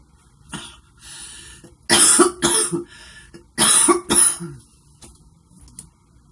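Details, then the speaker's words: Young woman smoking cigarettes gives two clusters of harsh, repeated dry coughs with breathy gasps between; she says the cigarettes cause a dry cough that hurts. "These give me, Jesus, please. They give me a dry cough that it just doesn't feel like that great. It kind of hurts."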